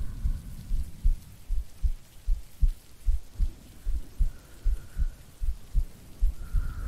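Steady low heart thumps at about 76 a minute, with soft rain-like hiss behind them.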